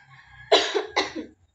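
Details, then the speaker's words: Two forceful, deliberate coughs from a simulated patient using the abdominal muscles, prompted by a nursing student in a return demonstration of percussion, vibration and postural drainage: voluntary cough after chest physiotherapy. "gamit abdominal muscle maam hing abdominal muscle while cffing increases c effectiveness"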